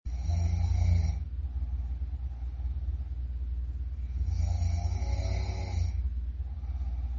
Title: Loud Snore 26